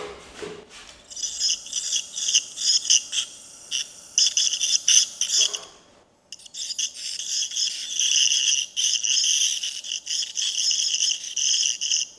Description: Ultrasonic scaler (SATELEC - Suprasson Newtron) used in a dental practice in Brussels.